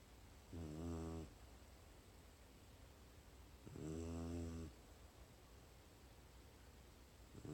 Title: More Snoring Dog